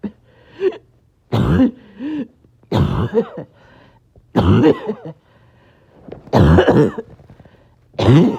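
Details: Back-to-back coughing fits with shortness of breath, clips joined together: repeated harsh cough bursts in clusters with brief gasps between, about six fits in eight seconds; a coughing fit.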